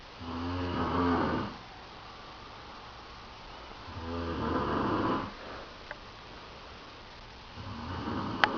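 Slow, regular rattling snores, about one every four seconds, each a long buzzing breath in, with quiet between; ordinary snoring.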